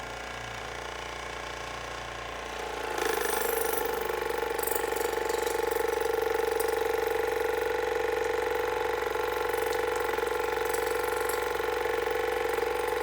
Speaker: so here's the water flosser it's got lukewarm water in it and I've got the smallest wand which I think is the best and then we're going to run this at level seven or eight